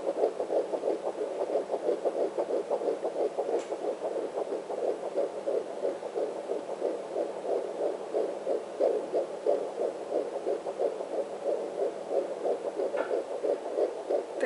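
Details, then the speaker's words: Fetal heartbeat on a home Sonotech Pro fetal Doppler held just above the pubic bone, found near the placenta: rapid, regular whooshing pulses around 170–180 a minute, typically in the 170s. "Say he's usually in the 170s. So you can hear it's fast. Very distinct sound."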